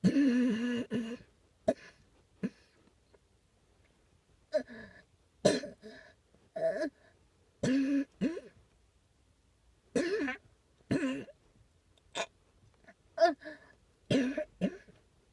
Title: coughing